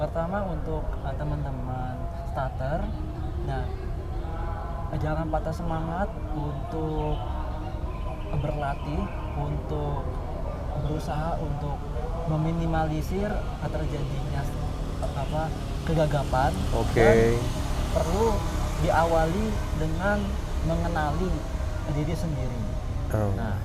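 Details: Stuttering since childhood in a young adult man, a newly graduated doctor.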